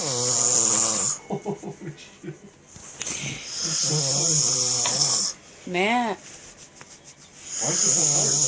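Loud, harsh snoring breaths with high hissing noise alternate with quieter stretches; a voice is heard in the background.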